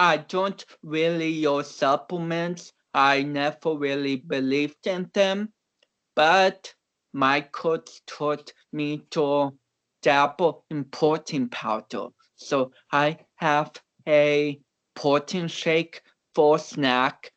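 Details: Dysarthric speech in a man of about 29 with cerebral palsy, an athlete and powerlifter whom doctors had not expected to walk or talk.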